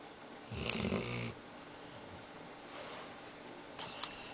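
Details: Pet dog snoring while half awake: a short, rattly snorting breath, then quiet breathing and a faint second snuffle: snoring.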